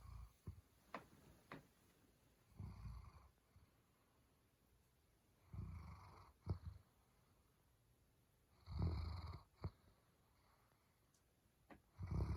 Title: German Shepherd Snoring